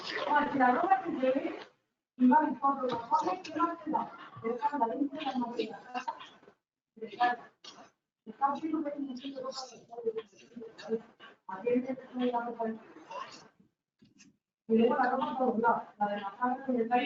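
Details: Man after total laryngectomy for laryngeal cancer, speaking first with esophageal voice, then with a tracheoesophageal prosthesis (valve) while occluding the stoma; alaryngeal speech (esophageal and tracheoesophageal voice).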